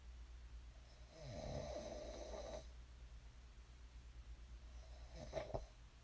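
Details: Two rattling snores during sleep over a low room hum; ordinary sleep snoring.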